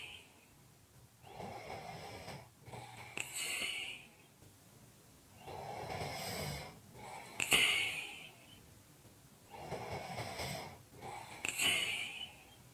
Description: This is a 5 minute audio clip of Heavy Breathing / snoring.